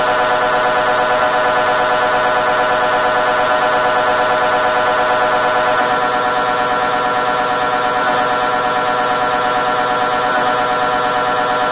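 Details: Recorded inside the MRI scan room: loud, steady, rapid buzzing and knocking held at a fixed rhythm throughout; normal MRI scanner operating noise.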